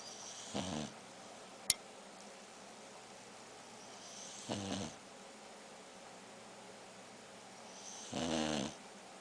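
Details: Beagle sleeping on owner's bed: three low, rattling snores about 3.5 seconds apart, roughly 16 a minute, with quiet breathing between; snoring.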